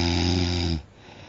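A single loud, low rattling inhaled snore lasting under a second, then quiet.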